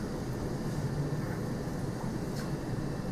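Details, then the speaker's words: ECMO centrifugal blood pump running at at least 2,000 rpm while the circuit is being primed: continuous low rumbling hum, a normal operating sound. "now I'm going to come around to the front of the console turn on the pump disarm the auto clamp by holding that down mute the alarm rotate the knob all the way to zero and then establish at least 2,000 rpm"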